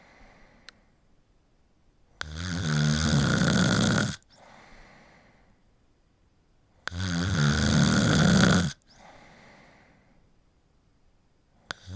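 Loud, harsh snores on the in-breath with quiet breathy exhalations, roughly one cycle every 4–5 seconds, about 13 a minute: adult snoring.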